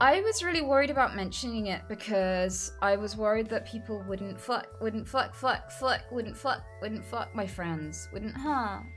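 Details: Woman with Tourette syndrome causing involuntary sounds and movements; repeated-word and swearing tics interrupt the sentence; vocal tics with coprolalia (Tourette syndrome).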